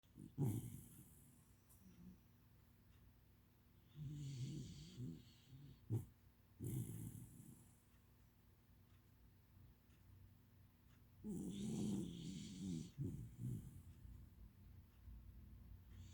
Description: Smol dog with big snore